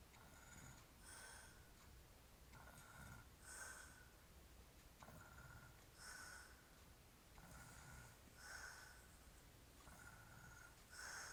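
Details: Snoring from a drunk adult man: regular snorting snores with each breath, about 12 breaths a minute, in a quiet room.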